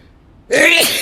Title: Desperate Sneezing Fit